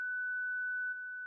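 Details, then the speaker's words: Zoll Zenix hospital defibrillator/monitor daily check in AED mode: 30-joule self-test charges, steady pure constant tone signals charged and ready to shock, shock button lit; normal self-test behaviour. "For devices in AED mode, select the 30-joule self-test key. Verify the Zenix charges, a constant tone sounds, and the shock button illuminates."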